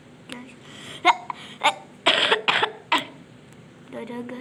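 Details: Sick child with a runny nose coughing while playing Roblox: brief voiced sounds around a run of about five short, harsh coughs, a few closely spaced.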